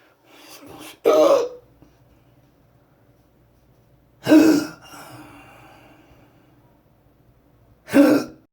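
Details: Exhausted patient with persistent intractable hiccups since December 2015, plus breathing and choking spasms and erratic stomach sphincter control, cause undiagnosed, recorded June 15, 2019: three short, harsh throat-clearing bursts a few seconds apart, quiet between them.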